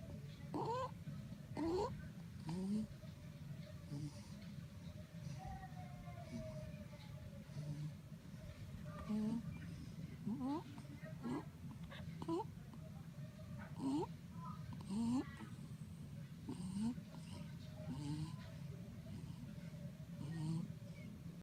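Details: Stridor in a patient; repeated high, squeaky rising noises with breaths over a steady low hum, typical of a narrowed upper airway.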